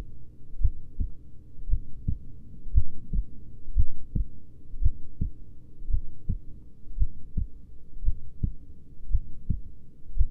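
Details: Slow heartbeat: steady low thumping at roughly 57 to 60 beats a minute, with a faint hum behind it.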